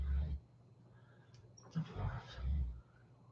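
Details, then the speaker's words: Quiet, low rumbling snores from a dog sleeping in the background of a small room: snoring. "do you hear that dog snoring back there that's not a housekeeping note that's just crazy reality"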